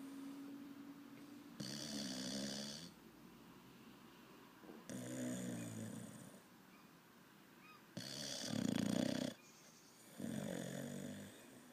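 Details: 6-month-old Olde English Bulldogge puppy snoring rhythmically, a rattling snore with each breath, about six breaths in twelve seconds (roughly 30 a minute), in a quiet room.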